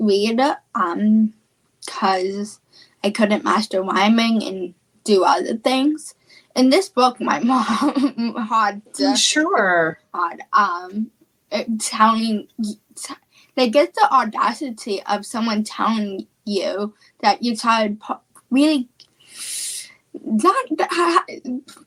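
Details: Female high school senior with childhood apraxia of speech, a neurological speech disorder, in speech therapy since about age four and once only 10% understandable; childhood apraxia of speech.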